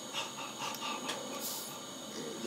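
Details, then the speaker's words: Rapid shallow breathing (tachypnea) imitated by an adult, as a sign of respiratory distress in a ventilated or tracheostomy patient failing a weaning trial: quick, shallow, panting breaths. "so to compensate they'll start breathing faster and because of that their heart starts going faster it's a vicious cycle"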